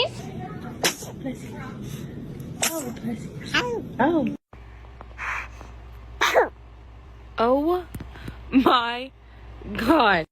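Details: Baby sneezing: several short, sharp sneezes, some with small cries, with adults nearby saying bless you, from a cute baby sneeze compilation; sneezing.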